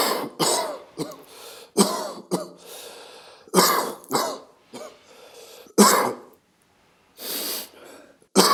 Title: The cough (documentation)